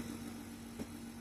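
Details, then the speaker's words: Medical suction machine running; steady low motor hum with a brief rise in pitch as the outlet is blocked during a demonstration. "ಇಲ್ಲೊಂದು on and of button ಇರುತ್ತೆ >> okay ಇಲ್ಲಿ ಮಾಡ್ಕೊಬಹುದು ಇದು ನಿಮಗೆ controller ಎಷ್ಟು ಬೇಕೋ ಅಷ್ಟು pressure set ಮಾಡ್ಕೊ ಯುಸಲಿ ಮ್ಯಾಕ್ಸಿಮಮ್ ಗೆ ಇಟ್ಕೊಳ್ಳಿ"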